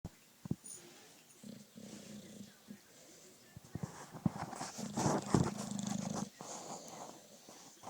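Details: Low, rumbling nasal noises with snorting bursts and a few sharp clicks and scrapes from a sleeping dog; dog snoring.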